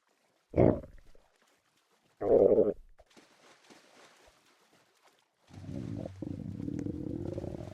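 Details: Stomach growling (borborygmi): two short low gurgling growls, then a longer steady rumble from gas and fluid moving.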